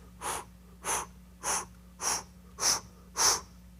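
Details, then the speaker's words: Vocal imitation of a mitral regurgitation (insufficiency) murmur: six evenly spaced breathy blowing whooshes, holosystolic and radiating, said to increase with squatting. "stolic murmur which means you hear it all throughout systole and it's blowing every medical book will describe it as blowing and radiates"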